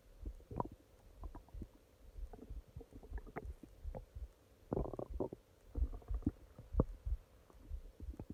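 Irregular low gurgles and rumbles from the belly, ordinary stomach growling from normal bowel activity.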